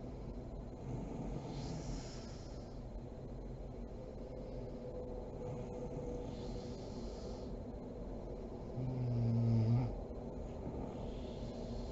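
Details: Mother snoring while asleep: steady low breathing in a noisy room, then one loud, rough, vibrating inspiratory snore near the end.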